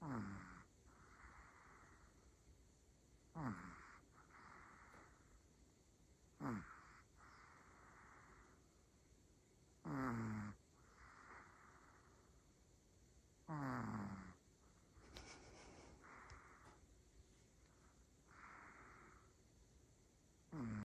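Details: Three-year-old Pomeranian sleeping and snoring: a snort-like snore on each breath in, about 17 breaths a minute, with softer breaths out between.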